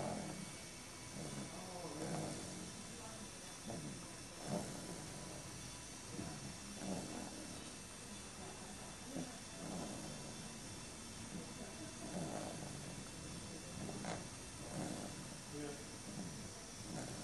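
Rough, rattling breaths repeat about 25 times a minute against steady hiss. Snoring.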